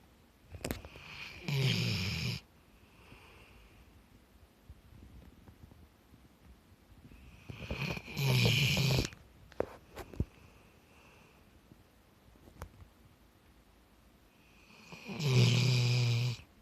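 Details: Black Labrador dog sound asleep, even in a park with noisy children: three loud, rough snoring bursts spaced several seconds apart, with quiet breathing between; ordinary snoring.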